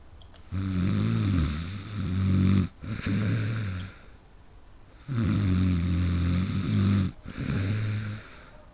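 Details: Person who fell asleep in the middle of a game: loud, low, rattling snores, each breath drawn out over a couple of seconds with brief gaps; heavy snoring.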